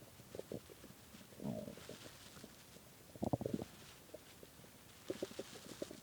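Gurgling, rumbling bursts and squelches come in irregular runs, typical hunger growling of an empty stomach.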